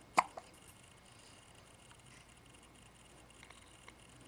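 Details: A single short, sharp hiccup followed right after by a fainter second catch, then quiet room noise.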